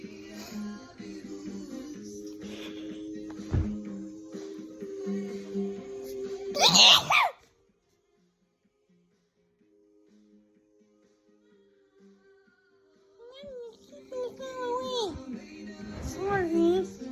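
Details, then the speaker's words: Sneezing in a person who couldn't stop sneezing, cause unknown to them (dolls and stuffed animals nearby): one sharp, forceful sneeze burst over background music; an ordinary sneeze. "Sorry, YouTubers, I'm sneezing. Sorry. I don't know what's causing"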